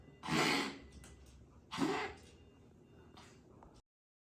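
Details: A dog with grade 4 tracheal collapse gives two harsh, forceful coughing bursts with fainter follow-ups, typical of a tracheal collapse cough.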